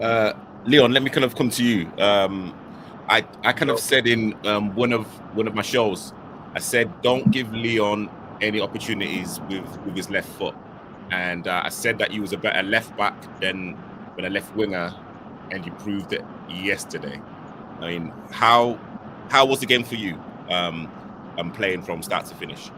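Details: Adult male speaker; normal voice.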